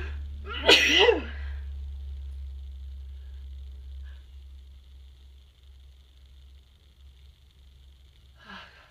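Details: Cold sneeze: one sharp, forceful sneeze over a steady low hum, followed by quiet breathing and a faint sound at the end.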